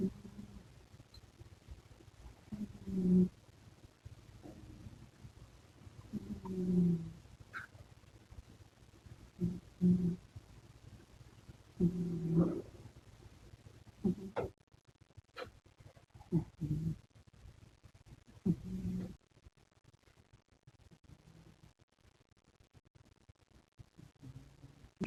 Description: Cat snored while sleeping soundly